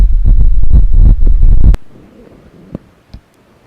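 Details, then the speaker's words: Normal heart sounds heard through a Bluetooth digital stethoscope connected to a laptop, the speaker's own heart: fast, loud low thumping for under two seconds, then quiet. "मैं अभी जो अपने आवाज़ सुनी यह add no ठाट song एक व्यवस्थित बूते वह बहुत सॉन्ग है कि नॉर्मल हर साल है"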